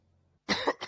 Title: Cough Cough